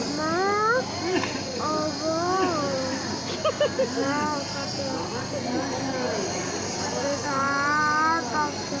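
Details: A baby with a cold and cough fusses and whines over a steady whirring machine hiss that runs throughout; nebulizer compressor running.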